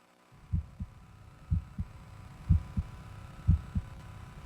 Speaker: okay this prevents the blood from flowing backwards so this is what a normal heartbeat sounds like